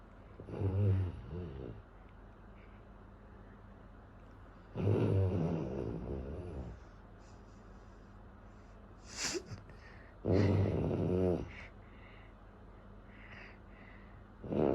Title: My friend snore so loud so cringe